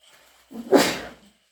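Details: Induced wet sneeze after petting a cat made the nose itchy and runny: single wet, explosive sneeze with short intake before, sudden hissing burst fading quickly; allergic sneeze.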